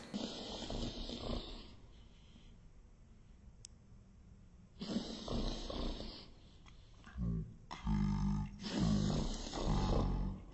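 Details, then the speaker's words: Repeated harsh snorting inhalations through the nose from Winston, a dog, as air is drawn in reverse: a reverse sneeze, likely triggered by a nasal or throat irritant. "he's making that snorting noise while he's inhaling this is called a reverse sneeze it looks really dramatic but most of the time it's not actually that serious"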